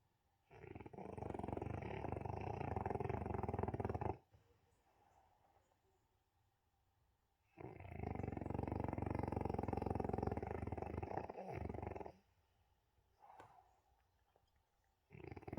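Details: French bulldog snoring: long, loud, rattling snores about four seconds each, with quiet pauses between.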